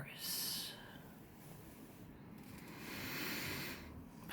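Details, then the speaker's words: Two sleeping men sharing a bed, heard from a distance, snore with two hissing, noisy breaths about three seconds apart, one with a faint whistle. "Two bros, one bed. This December comes [clears throat] the snores."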